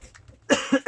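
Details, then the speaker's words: Adult who says they are sick gives one short, harsh cough with two quick pulses, then a third burst begins. Recorded on a phone microphone, so the cough sounds quieter: cough. "Ja, tut mir leid, ich muss kurz husten, weil ich krank bin."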